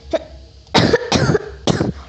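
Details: Adult coughing: three short, harsh cough bursts preceded by a faint brief sound; apologizes for coughing; ordinary cough.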